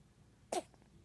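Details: A cat gives one sharp, brief, explosive cough in a quiet room.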